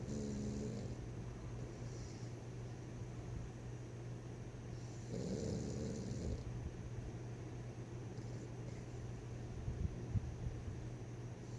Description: Zip is our 2 year old pocket pit!! Snores up a storm at 25 lbs!!!